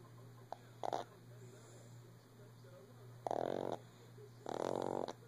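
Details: A shih tzu lying down early in the morning snores: loud, rough snorts in a few bursts with quiet room hum between them.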